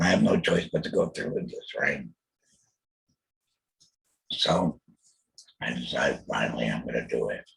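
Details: Throat cancer diagnosed 2020, treated with total laryngectomy, chemotherapy and radiation; alaryngeal speech after total laryngectomy.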